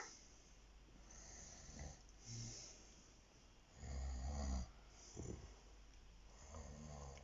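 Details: Person asleep in the morning, being woken for work, snoring: deep, rumbling snores on the in-breath, the loudest lasting about a second, against faint background noise; ordinary snoring.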